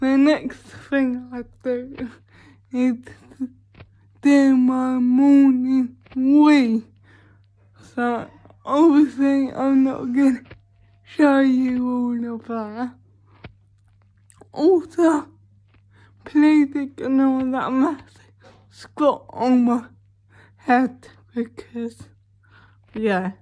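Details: Female vlogger with cerebral palsy speaking in her daily-life vlog, with speech hard to follow; dysarthria due to cerebral palsy.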